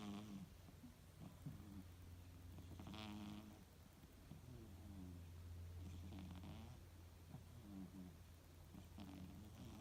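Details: Soft, low rumbling snores from a sleeping 2-year-old female British Shorthair cat napping, over a steady low hum; cat snoring.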